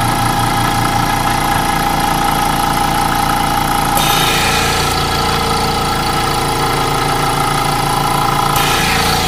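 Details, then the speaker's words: GEN-MED Aspirator Model A suction pump running in a demonstration, pulling good suction: loud, steady mechanical drone with rapid rhythmic pulsing from the motor. "can see it's getting good suction as it mention it's in real nice cosmetic condition"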